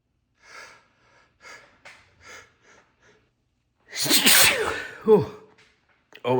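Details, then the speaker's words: Adult sneezing after first-ever use of sneezing powder, sneezes described as different from normal: quiet breathy sounds, a sharp inhaled gasp, then a loud, forceful, wet sneeze with voiced release. "Oh my goodness, these are so different than my normal sneezes."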